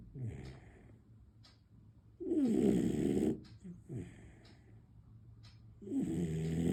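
Loud, rough, rattling snores with quieter breaths between them from a sleeping puppy; ordinary snoring.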